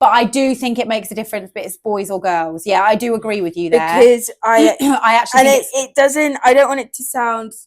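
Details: Adult woman speaking; no speech disorder.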